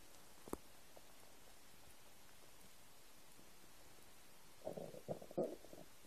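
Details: Quiet room, then a short burst of gurgling, bubbling rumbles near the end; ordinary stomach rumbling from an empty stomach.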